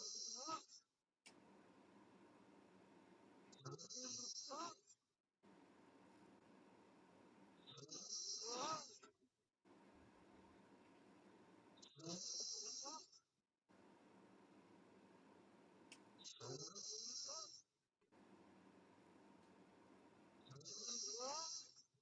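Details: Sleeping girl, mouth open, snoring: regular noisy breaths about fifteen a minute through an open mouth, with steady room hiss between.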